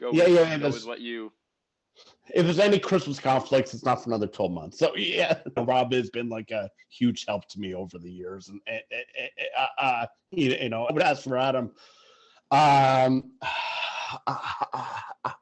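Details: Adult man who has stuttered since early childhood; stuttering.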